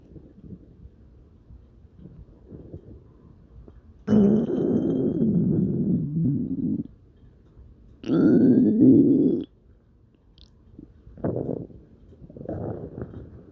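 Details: Dog's stomach growling: low, rumbling gurgles in several bursts of a second or more from the belly; ordinary borborygmi.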